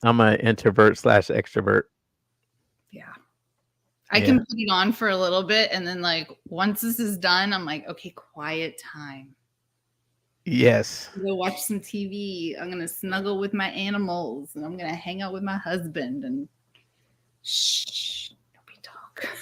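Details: Adult woman speaking; Normal speech.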